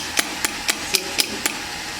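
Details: SW18 electric radial shockwave therapy device applied to a painful shoulder point with gel: sharp, evenly spaced tapping clicks, about four pulses per second from the handpiece.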